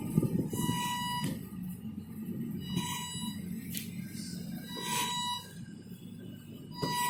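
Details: Emergency portable mechanical ventilator built by a university engineering faculty, set to 30 breaths per minute: steady motor hum with a whining tone repeating about every two seconds as it cycles.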